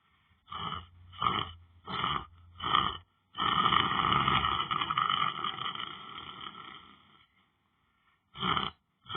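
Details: Person lying down on the floor snoring: loud, harsh snorting breaths in short bursts, then one long rattling snore; heavy snoring.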